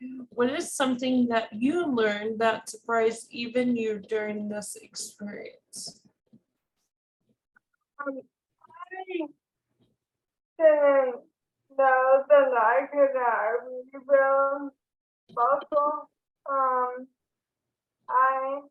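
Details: Dysarthria in a woman with ALS diagnosed in 2014, with real slurred, hard-to-understand speech.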